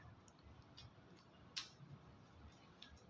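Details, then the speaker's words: Fetal heart auscultation with a Doppler transducer placed at the point of maximum intensity on the maternal abdomen: quiet, regular ticking pulse through Doppler hiss at about 130 per minute, within the 120–160 normal range; normal fetal heart sounds. "Nah untuk membaca frekuensi ini normalnya 120-160 kali permenit kepada tertera pada layar Doppler"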